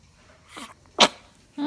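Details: A single small, cute sneeze: a soft intake, then one sharp explosive burst and a brief trailing sound.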